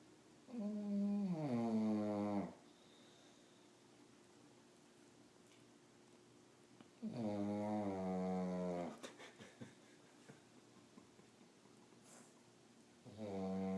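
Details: Loud, drawn-out, tonal snores, about 10 a minute, separated by long quiet gaps, from a sleeper: snoring.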